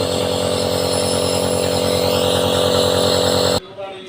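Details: Nebulizer machine: steady loud compressor motor hum with rapid regular pulsing for about three and a half seconds, then stops.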